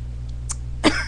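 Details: Adult woman's webcam recording: a faint breath then one short, sharp, dry-sounding cough over steady low room hum.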